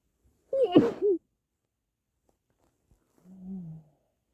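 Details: Male, stifled versus muffled sneezes: one sharp, partly held-back sneeze burst, then a soft muffled voiced sound after a pause; stifled sneezing.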